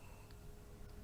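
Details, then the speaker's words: Near silence with faint room hum and no breath sounds, a breathing pause in snoring obstructive sleep apnea, when oxygen drops and the brain wakes the sleeper. "they stop breathing and the problem with that is obvious you don't get enough oxygen"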